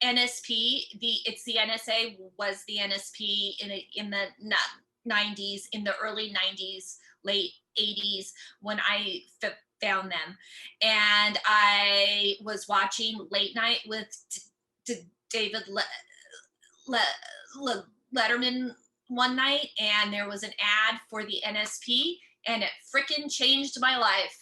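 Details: Adult woman who stutters, a comedian, speaking during a talk at a stuttering community event; stuttering.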